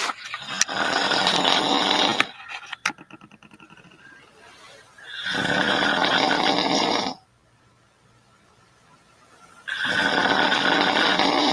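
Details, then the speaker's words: Adult woman snoring while asleep: loud harsh rattling snores in long bursts separated by quiet pauses and softer breathing; heavy snoring, not stated to be sleep apnea. "throat and that relaxes over your air passage so that's how you get that sound that loud sound so again it's cute it's fun we get a good laugh out of it"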